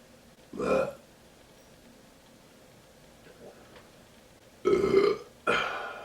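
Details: Three loud, low, voiced belches produced on command, each under a second and separated by quiet; burping.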